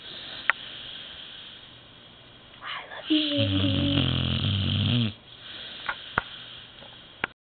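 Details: 2-year-old male American Bulldog sleeping, snoring very loudly: a single loud, rattling, low snore about two seconds long amid quiet room noise.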